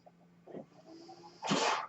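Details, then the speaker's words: A man's own ventilator heard in a quiet pause while he records a podcast: a faint steady motor hum, then a short loud airy whoosh near the end as the home mechanical ventilator cycles. "Hello, everyone. My name is. That noise you're hearing is my ventilator."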